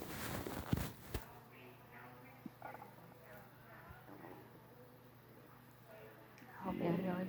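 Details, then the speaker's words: Adult stomach rumbling after a breakfast of pancake, Rice Krispies cereal, orange juice and milk, with a shirt covering the belly: soft gurgling, squeaky rumbles, ordinary borborygmi. "Whoa, there it goes. Had a few rumbles of my stomach. Sure enjoying my breakfast."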